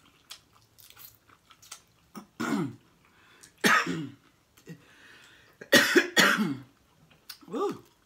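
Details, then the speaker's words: About five harsh coughs with throat-clearing while eating blue crabs, after food caught in the throat, interrupted by eating sounds. "I'm getting some water, y'all. caught me dead in the throat, y'all. Oh, excuse me."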